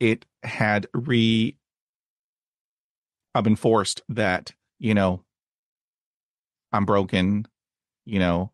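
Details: Adult man who has stuttered since childhood, had speech therapy at age 5 and again in his 20s, and reports blocks and repetitions, especially on cold reads; stuttering.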